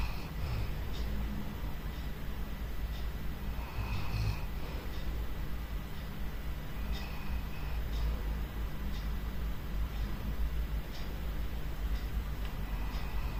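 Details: Dog snoring: steady low rumbling breath noise with faint rhythmic snorts over a continuous low background hum.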